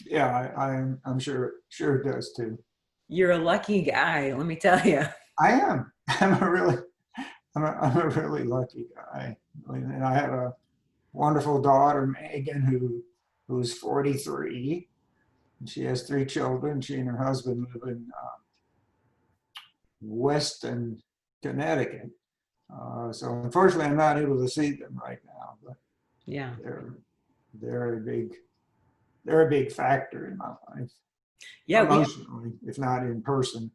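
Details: Adult man with spasmodic dysphonia diagnosed at age 51, managed without Botox through practice and workarounds; talking is tiring and some words such as "yes" take great effort. Finding: spasmodic dysphonia.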